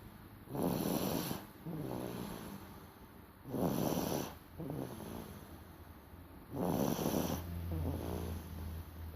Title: How a baby snores